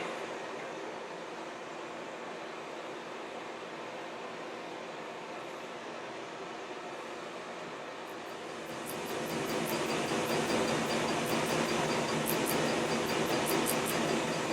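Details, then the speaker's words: Steady airflow hiss growing louder as a very cold air skin cooler numbs an adult man's skin during laser tattoo removal, faint regular laser ticks; cold air cooler running. "it's just super charged air institute it's it's very cold air that has a potential to freeze the skin or just numb it"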